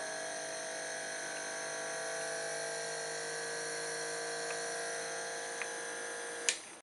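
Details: Omron NE-C802 compressor nebulizer (throat and nose inhaler) running: a steady mechanical hum and whine, continuous, with a click near the end.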